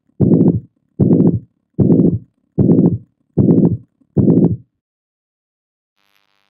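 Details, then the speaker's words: Ventricular septal defect: regular heart sounds at about 76 a minute, each with a harsh, high-pitched pansystolic murmur running from S1 to S2; it is best heard at the left sternal border. "ow this murmur is a high-pitched pansystolic murmur like a mitral regurgitation but mitral regurgitation is a blowin murmur and this is a harsh murmur and we'll listen to the difference in a minute"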